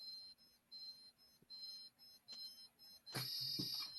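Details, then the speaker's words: Repeated short high-pitched beeps from a Dolphin Neurostim microcurrent device counting 10 beeps per point during scar release therapy, probe on skin, then louder handling noise at the end. "10 beeps on each point all the way up. 10 beeps all the way back down again."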